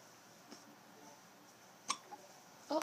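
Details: One-week-old baby girl with hiccups after a big meal, a bit too much milk: a few brief, abrupt catching sounds in a quiet room, one sharper than the rest.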